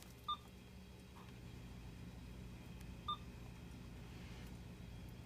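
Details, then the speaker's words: Two short electronic key beeps about three seconds apart over low room hum, keypad tones while powering on an IV infusion pump and confirming a new patient during primary infusion setup. "so you're going to press systems on and it asks you if this is a new patient and it is"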